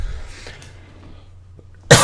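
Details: Adult livestreamer, ill for about a week with an affected voice: steady low room hum with faint sounds, then a single sudden, loud cough burst cut off at the end.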